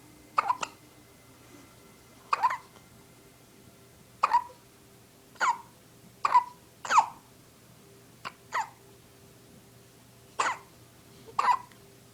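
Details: Short, sharp, voiced hiccups repeating every second or two, about ten in twelve seconds, in a quiet room during a playful hiccup battle between two people.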